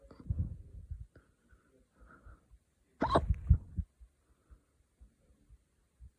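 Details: Hiccups in a person who drank some wine too fast; repeated hiccup sounds.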